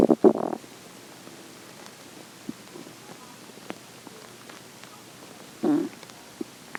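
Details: Morning hunger stomach growling: two bursts of low gurgling rumble, at start and near end, with faint clicks between; bowel sounds (borborygmi).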